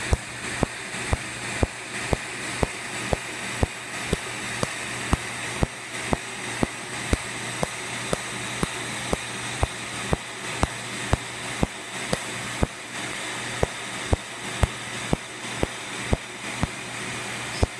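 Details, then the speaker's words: Steady sharp snapping pulses, about two per second, over a constant fan hum as a laser tattoo removal device fires on a patient's tattoo during a treatment demonstration; laser tattoo removal device pulses. "all right here we go we're going to remove this tattoo"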